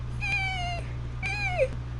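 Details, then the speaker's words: Vocal imitation of wheezing: two high-pitched musical squeaks, the sound of narrowed airways, typically heard on expiration and brought out by forced expiration. "Um wheezing is going to be highpitched um and sort of musical."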